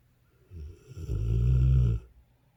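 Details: Dogue de Bordeaux gives a single deep, vibrating snore that builds over about a second and a half in a quiet room; snoring in a dog.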